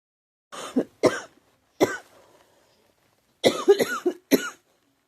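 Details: Girl coughing: about eight short, harsh coughs in clusters with brief pauses, in a quiet room; cough.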